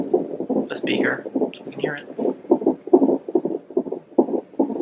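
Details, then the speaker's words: Fetal heartbeat on a labor monitor during a first labor, mother with high blood pressure: rapid whooshing pulsing beats around 140 a minute, faint voices in the background. "but that sound you can hear in the background they just have his heart rate or heartbeat playing over"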